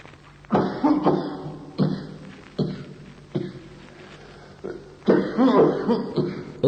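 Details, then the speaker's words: Bronchial carcinoma: a run of about six harsh, irritative, insistent, dry bronchial coughs with tiring effort, bringing nothing up. An unproductive dry cough with no relieving expectoration. "Come primo esempio, una tosse irritativa, bronchiale, insistente, secca, nel carcinoma bronchiale. La sua caratteristica acustica, accanto alle tormentose e stancanti manovre per tossire, è la sua inutilità."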